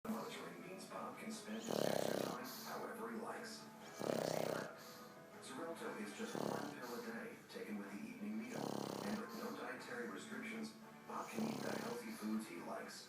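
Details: Snoring with irregular rough breaths, some with whistly nasal tones, over background music.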